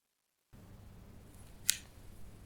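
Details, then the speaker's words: Left knee clicking for a couple of months, heard as the knee straightens while rising from a comfortable full-depth, ass-to-grass squat with feet together. A single sharp click against quiet room noise. Painless knee crepitus. "start with my feet together and drop down in into a full squat an atg aster grass right down very comfortable and there's a click"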